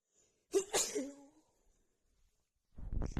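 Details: Woman sneezing from an itchy nose after dust from cleaning got stuck in it: one sharp, wet sneeze, then after a pause the start of another.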